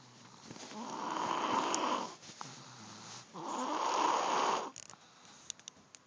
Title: Snoring Beauty